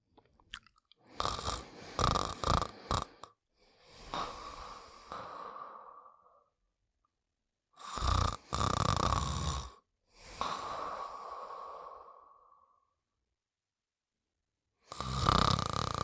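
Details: Snoring during sleep: long, rough, fluttering breath sounds in bursts separated by pauses.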